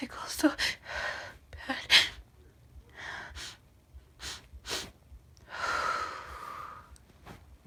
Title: Biiig Sneezes (F)